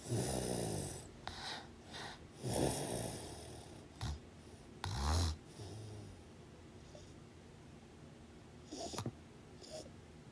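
Irregular rough snoring and snorting breaths, some loud and some faint, with quieter pauses between them in a small room.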